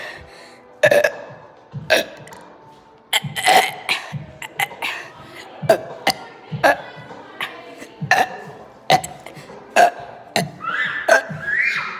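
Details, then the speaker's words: Deliberate burping: about a dozen short, repeated burps over background music, not coughing. "y'all wanted y'all's burping video all right"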